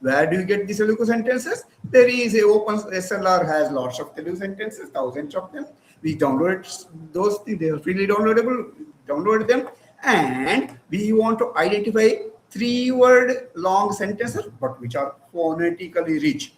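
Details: Adult male speaker; Normal speech.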